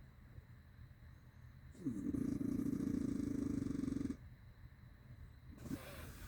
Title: 5 minits of strate snoring sounding like a dirtbike